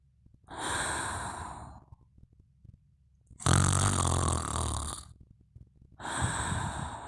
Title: Mimi Sleeping & Snoring Part 2